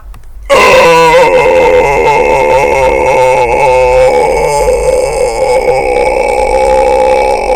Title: Long burping. Me vs Google